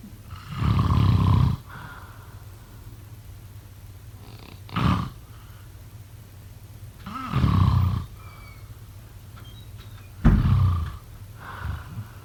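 Loud, low, rattling snores come every few seconds in a quiet room, with softer breathing between them; this is sleep snoring.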